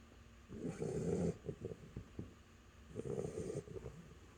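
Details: Snoring from Athena, a sleeping dog: two rumbling, fluttering snores with snorty breath noise between them.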